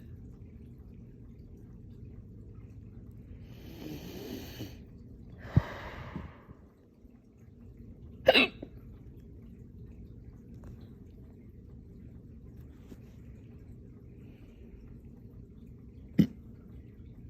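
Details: Hiccups after eating cereal, running with the dog and drinking water too fast; a burp-like sound, then sharp isolated hiccups spaced several seconds apart against room noise.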